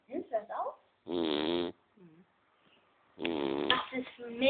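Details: Sleeping female dog snoring: two long, rattling snores with quiet talk in between.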